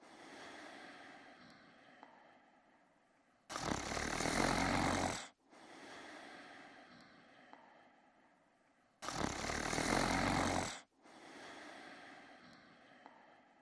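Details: Man sleeping in bed: loud, harsh snoring on each in-breath with softer out-breaths between, about nine breaths a minute; heavy snoring.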